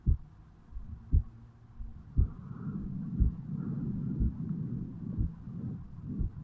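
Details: Heartbeat of a 35-year-old male recorded at the bicuspid/mitral valve area upon waking in the morning: regular low thumps at about 58 beats a minute over a steady low background rumble.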